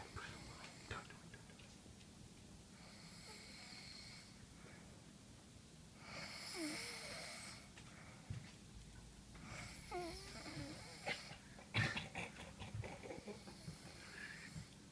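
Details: Afternoon (about 3pm) nap in a sleeping woman: soft, irregular snoring breaths with faint squeaks over a steady room hum; snoring.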